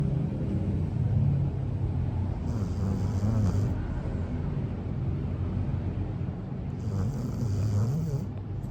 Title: Snoring dog